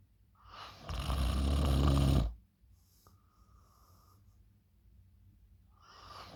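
A loud, harsh rattling snore on the in-breath, a quiet pause, then the next snore starting; loud snoring.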